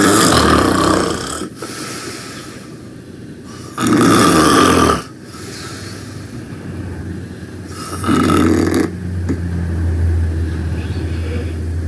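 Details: Loud snoring while taking a nap: rattling snores on each breath, three over twelve seconds, about 15 breaths a minute, over a steady background hum.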